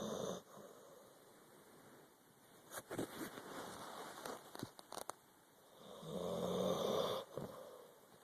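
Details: A resting animal, likely a dog, gives rough, rumbling snores on the in-breath, with quiet pauses and a few soft clicks between: snoring.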